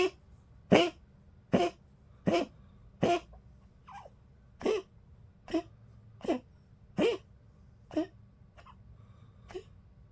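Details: 15-year-old Poodle coughing in a steady series of short, dry, hacking bursts with brief gaps.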